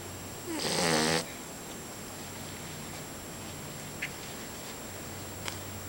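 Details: Snoring while asleep on the owner's leg: a single short, rattly snoring breath, then quiet room noise with faint clicks; snoring in sleep.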